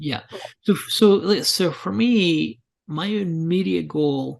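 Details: Adult speaker; typical speech.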